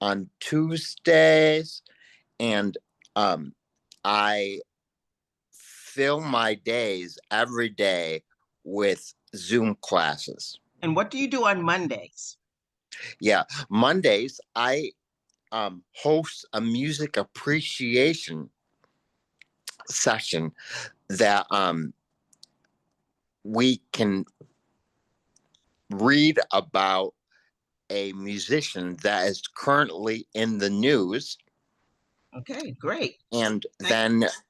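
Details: Real adult male with aphasia following a stroke; aphasia.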